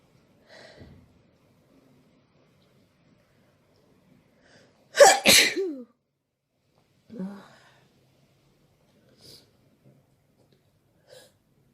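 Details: Morning sneeze: a single loud, explosive sneeze with a sharp intake before it, then quiet breathing and faint sniffs.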